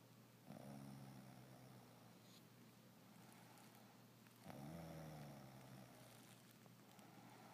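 Two soft, low, buzzing breaths about four seconds apart over steady background hum. Light snoring.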